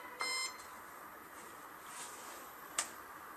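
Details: COZING-T03 portable cold laser pain-relief therapy device (650 nm) switched on with its middle button: a short electronic beep, then a brief click in a quiet room, device beep.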